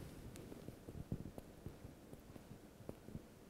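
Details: Thoracic percussion done bilaterally to compare sides, with fingers placed between the ribs over the back and struck by the other hand. Soft, low, hollow taps give a normal resonant chest note; normal chest percussion note.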